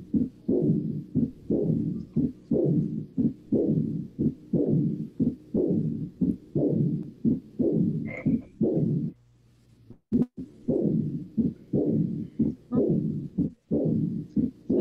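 Repeated heart sounds, each followed by a blowing, smeared murmur that fills much of each cycle, with a brief gap partway through: an aortic regurgitation murmur.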